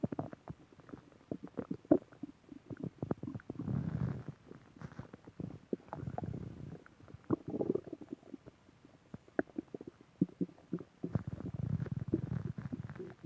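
Repeated low rumbling gurgles with clicks and pops between them: stomach growling, ordinary bowel sounds.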